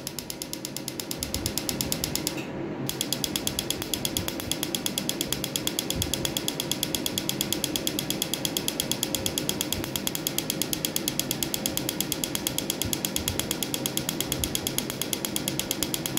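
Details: Pico laser firing during a first tattoo-removal session on a woman's tattoo, breaking up ink: rapid, regular sharp clicks about 100 a minute over a steady machine hum.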